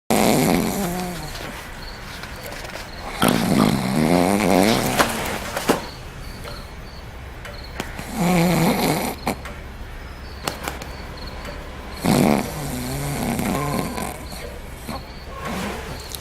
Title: Witty Games SNORING